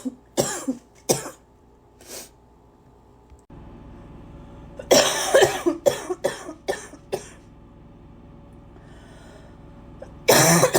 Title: #83 - lots and lots…and lots of coughing